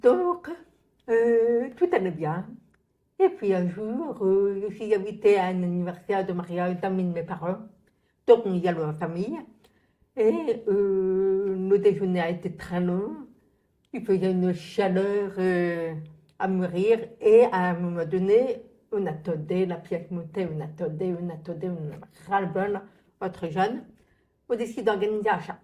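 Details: Adult woman born profoundly deaf, who reads lips and had thousands of hours of childhood speech therapy after doctors predicted she would never speak; speech of a profoundly deaf speaker (deaf speech).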